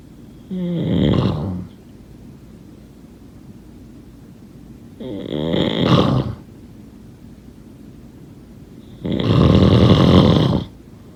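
Three loud, rough, rattling snores a few seconds apart, about 15 a minute, with quiet pauses between them.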